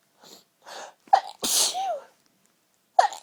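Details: Sneezes held back as long as possible with the nose pinched: quick gasping inhales, then a stifled sneeze with a short vocal squeak, and another suppressed sneeze.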